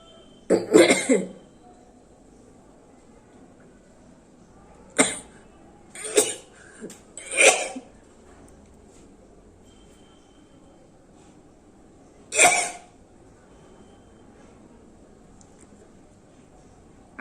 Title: Sneezing and Nose blowing#vlog #viral #most requested video